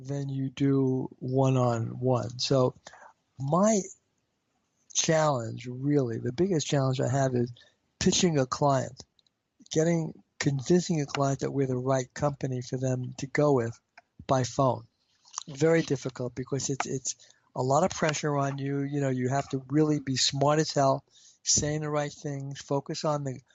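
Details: Stuttering in an adult man, a marketing executive who has a stutter.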